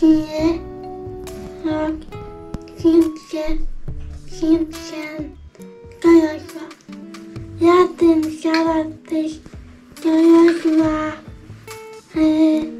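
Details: Young girl; dysarthric speech in cerebral palsy.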